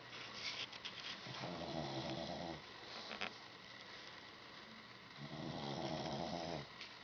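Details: Two long, rattling snores on the in-breath, separated by a quieter out-breath, in a sleeping pug; loud snoring.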